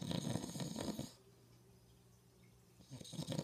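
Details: Snoring in a father (adult man): low, rattling snores on inhalation, separated by quiet pauses; ordinary snoring.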